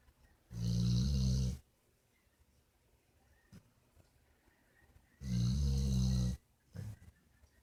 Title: snores